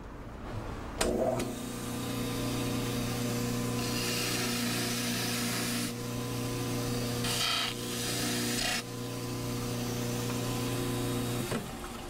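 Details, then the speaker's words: Dental cast trimmer reducing bulk of plaster and pumice around a boxed complete-denture impression before recovering the master cast: steady motor hum with rough grinding and rasping. "So what I'm going to do is I'm going to reduce part of the bulk of this plaster and pumice on the cast trimmer before we start trying to recuperate the master cast from the impression."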